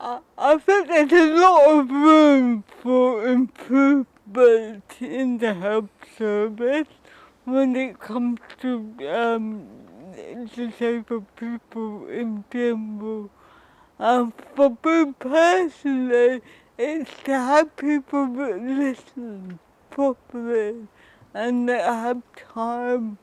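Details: Woman with cerebral palsy who says her speech is often not understood; slow speech rate; dysarthria (cerebral palsy).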